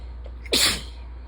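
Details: Allergic sneezing fit in ragweed season, nose suddenly very sensitive and itchy, rain outside: a single sharp, hissing sneeze after a brief breath in, over a steady background hum.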